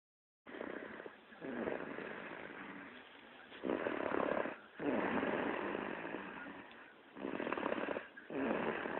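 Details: Repeated rough, raspy snores with each breath, about four breath cycles, in and out with brief pauses; snoring while snoozing.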